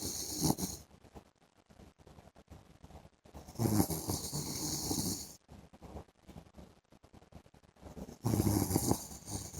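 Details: Husband snoring during afternoon sleep: loud, rough snores about every four seconds with noisy breathing between them; snoring.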